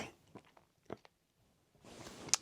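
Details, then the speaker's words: Adult with a lung infection, high fever and delirium, diagnosed by a doctor and treated with antibiotics: scattered crackling clicks, then a noisy, rattling breath. "she put me in the doctors the next day and it turns out I've got some kind of lung infection which you can hear here"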